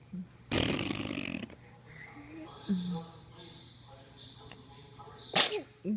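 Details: Child sneezing: a sudden loud explosive sneeze, quiet vocal sounds, then a second short sharp burst near the end.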